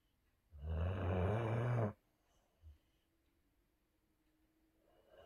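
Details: Sleeping, dreaming Boxer dog snoring: snoring sounds during sleep.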